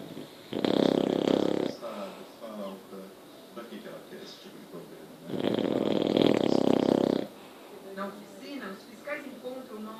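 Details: Seven-month-old English Bulldog puppy snoring: two long, loud, rattling snores about five seconds apart, with quieter snuffling breaths between them; flat-faced dog snoring.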